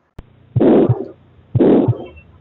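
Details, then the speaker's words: Pathological heart murmur in a newborn during cardiovascular examination: harsh-quality systolic or diastolic murmur, contrasted with functional murmurs that are short, soft, grade 1–2 systolic with normal S1 S2. "pathological murmur here you can listen pathological M pathological Mur p syst mmur or all D mmur are pathological murated with the always pathological it is hard quality"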